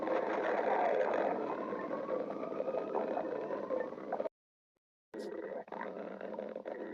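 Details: Continuous gurgling, rumbling stomach growling (borborygmi) with a brief silent break.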